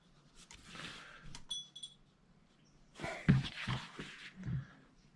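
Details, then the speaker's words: Burmese cat snoring in the background while asleep; snoring. "That's Coco, our Burmese, snoring in the background, if you're wondering what that noise is."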